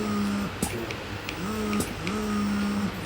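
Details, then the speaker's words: Electric breast pump running at level 5: steady motor hum with repeating suction cycles and soft clicks, a rhythmic pull shown on a measuring gauge, faint music behind. "inilah V5 bisa dilihat memang di alat pengukurnya bahwa memang ada ritme tarikannya"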